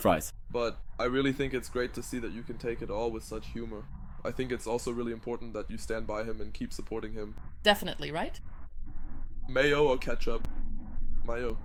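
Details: Adult male speakers in conversation; no disorder.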